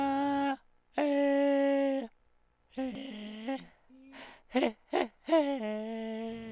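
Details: Hoarse voice with diplophonia from right vocal cord paralysis, seen on rigid and flexible endoscopy; the right cord is thin and atrophied with an enlarged right ventricle.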